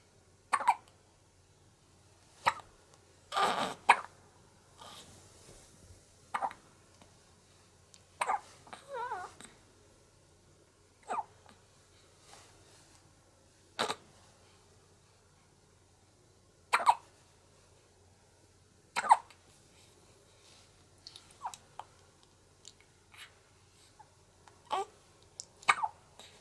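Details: One-month-old baby girl hiccupping and fighting drowsiness after breastfeeding: repeated short, sharp hiccup catches every two to three seconds.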